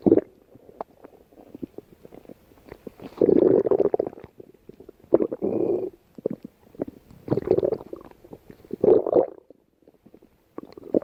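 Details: Irregular gurgling rumbles and bubbling bursts of stomach growling from normal gut movement.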